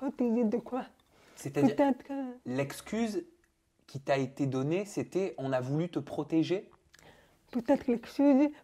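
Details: Adult speaker; Typical speech.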